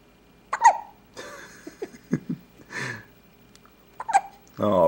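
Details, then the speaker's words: 6-day-old baby boy with hiccups: two sharp, brief voiced gulps about three and a half seconds apart with soft vocal sounds between; hiccups. "buddy. You got the hiccups. Oh, no. Poor guy."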